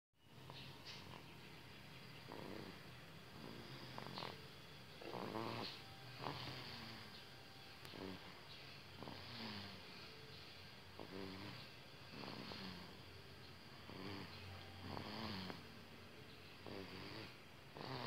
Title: Bayi Ngorok